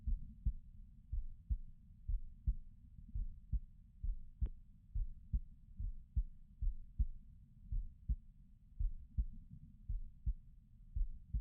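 Soft, regular low thumps of a resting heartbeat, about 56 beats a minute, with a brief click partway through.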